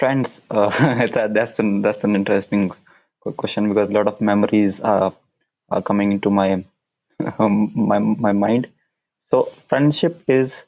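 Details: Stuttering (stammer) in a man whose stammer began at around nine years old.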